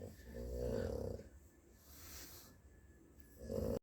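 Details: Low, rattling, snorting breaths with a buzzing tone on each breath from a Pug; snoring.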